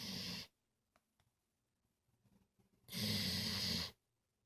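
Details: Two loud, rattling, human-like snores from a sleeping, tired dog, each about a second long, separated by a quiet pause; ordinary snoring.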